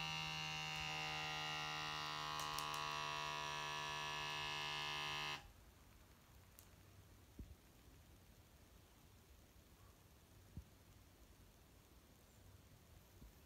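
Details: Talking automatic blood pressure monitor cuff inflating after an earlier measuring error: a steady motor buzz for about five seconds, then quiet. Reading was 171/109 mmHg, heart rate 90, flagged as moderate hypertension.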